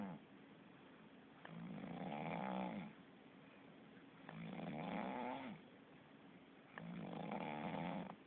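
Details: Sleeping cat snoring: slow, regular rattling snores on each inhalation, about 23 per minute, in a quiet room.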